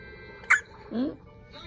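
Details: Loud hiccup in a 1-day-old newborn baby: a single sharp, abrupt catch followed by a brief squeaky voiced sound.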